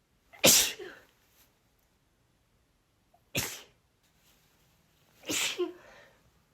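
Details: Female with nonstop breathy sneezing, 23 sneezes in all: three breathy sneezes in quick succession here, each a sharp hissing burst with a brief trailing exhale.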